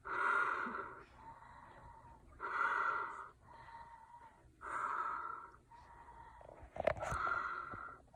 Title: Mom Snoring Loudly